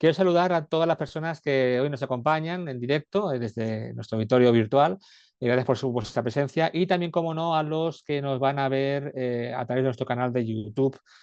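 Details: Adult male speaker; Normal speech.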